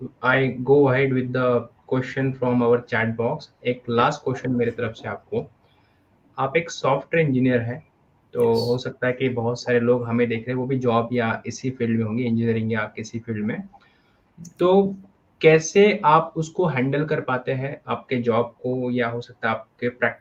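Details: Adult male speaker; no disorder.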